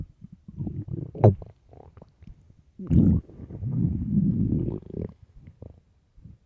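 Loud, low gurgling and rumbling stomach sounds in several bursts, typical hunger growling of an empty stomach.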